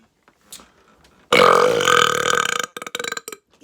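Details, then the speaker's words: One long, loud, rumbling burp followed by a few shorter croaking bursts, with faint noises before it, from a person bragging about burping in a comedy skit; burping. "Yeah, pretty sure I'm the best burper ever. Yeah. Wasn't even trying just now. Easy stuff."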